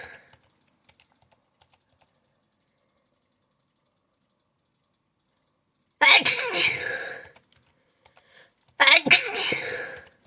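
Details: Sneezing fit while typing: two loud, explosive sneezes a few seconds apart after quiet keyboard tapping, with a tickly nose.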